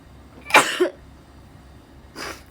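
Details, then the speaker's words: A single sharp sneeze burst then a softer second expulsion, quiet room noise between, from a Japanese woman on a live stream who says she inhaled the sneeze and mentions hay fever and temperature-change allergy. "やばい。やばい。くしゃみ吸い込んでしまった。あかんわこれな。"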